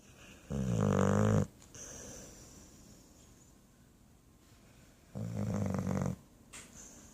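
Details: Sleeping pit bull dog: two loud, rattling snores on breaths in, about four seconds apart, with quiet breaths out between; snoring.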